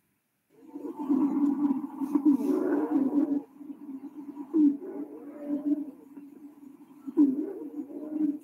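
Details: Continuous high-pitched musical whistling sounds through several breaths with brief pauses, ending in a click: wheezes, played during a respiratory semiology class on lung auscultation.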